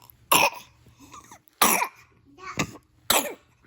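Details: A young child gives four short, harsh, irregularly spaced coughs, followed by conversation. Lingering post-viral cough after RSV.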